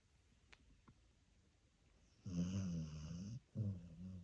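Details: Sleeping dachshund on a sofa: quiet room with two faint clicks, then two rough, rumbling snores, the second cut off; dog snoring.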